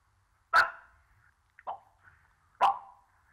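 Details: Adult man with severe Tourette syndrome on stage at a film press conference: three sudden sharp yelping or barking involuntary vocal tics in quiet.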